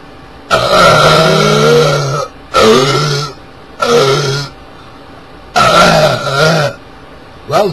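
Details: A burping Santa in a Christmas video dating from 2006: four long, loud, drawn-out, voiced and rumbling belches, with a fifth starting at the end.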